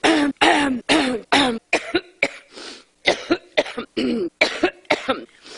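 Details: Adult woman's coughing fit during a live TV interview: about a dozen harsh, partly voiced coughs in rapid succession, roughly two a second, forming a sustained coughing fit.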